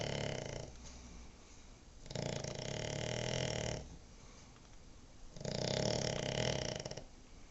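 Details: Cavalier King Charles spaniel napping: loud, rough snoring breaths repeat every few seconds with quieter pauses between them; snoring.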